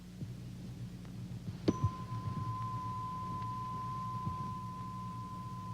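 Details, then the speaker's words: Sustained pure tone of a struck tuning fork over low room hum, held against the forehead to compare hearing in the two ears, in a dramatized TV otology exam; Weber test heard in the midline. "A tuning fork is placed against the forehead to check the balance of hearing between the right and left ear. Weber test heard in the midline."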